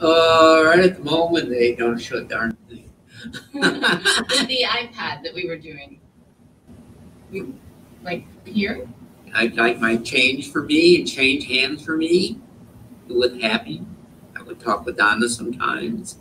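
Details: Patient with aphasia caused by a stroke, fluent but meaningless speech; Wernicke's (fluent) aphasia.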